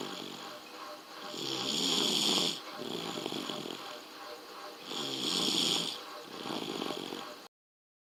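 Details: Sleeping baby snoring softly: regular noisy sleep breathing with a faint snoring rasp, about 20 breaths a minute; a faint background tone.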